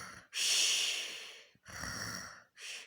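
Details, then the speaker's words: Father snoring while a child pleads with him to stop: loud, hissing, rough breaths with short pauses between them; an adult snoring in sleep. "пожалуйста папа хватит хватит храпеть"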